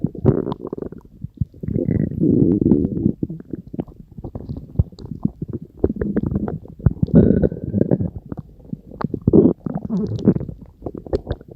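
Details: Stomach growling from a person's belly: gurgling, bubbling rumbles with rapid popping bursts and low growls, ordinary bowel sounds.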